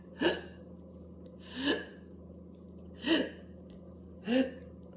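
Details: Whooping cough (pertussis) coughing spell with spasms until gagging, spitting and vomiting: four strained, voiced gasping bursts about a second and a half apart.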